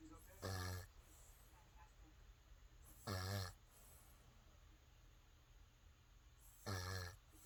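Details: Three short, buzzing, throaty snores about every three seconds with quiet between them: snoring.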